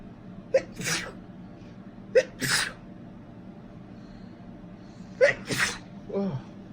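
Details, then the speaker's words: Adult male with a sniffly cold: three sharp sneezes, each preceded by a quick inward gasp, in a quiet room; more sneezing than usual due to the cold. "And when he does tricky with a cold, he sneezes a lot more."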